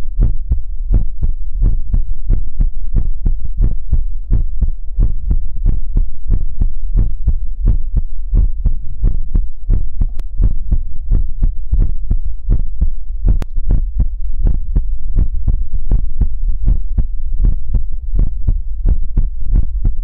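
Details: ASMR livestream heartbeat sound effect: steady, deep low thumps repeating rapidly and regularly throughout.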